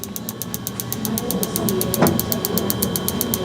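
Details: Rapid, evenly spaced sharp clicks about seven a second over low room hum: a focused shockwave therapy device firing during treatment of wrist pain, in a patient suspected of a triple nerve compression syndrome (neck, wrist, possibly forearm).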